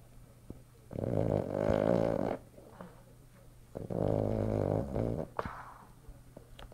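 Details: Boston terrier Boris sleeping and snoring.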